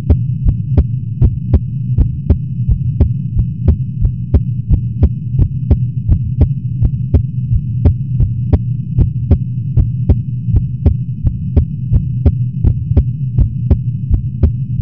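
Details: Person's heartbeat recorded just after waking, a little fast: steady, slightly quick heartbeat thumps over a loud, constant air-conditioner hum.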